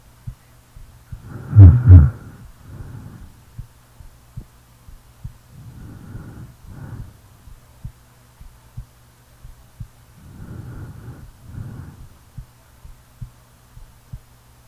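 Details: Real recording of a sleeping person: soft regular low heartbeat thumps under several slow rumbling snores, one loud snort near the start.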